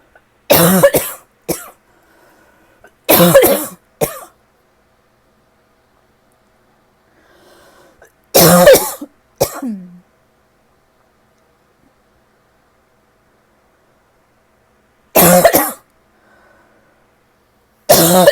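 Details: Tickly cough in a person who feels it is finally starting to get a little better: several loud, short dry coughs in bursts of one to three, separated by pauses, some with throat clearing.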